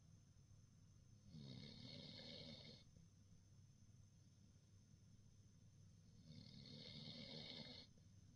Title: Bavarian mountain hound snoring